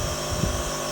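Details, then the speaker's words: Nebulizer compressor starting for a medication breathing treatment in a nursing skills demonstration: steady motor hum. "All right, so we're gonna get this baby started, okay,"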